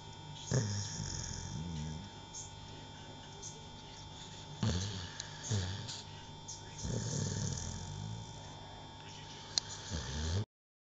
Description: MY GIRLS DOG FELL ASLEEP ON MY LAP HERE`S HER SNORIN SHES ONE MAD DOG?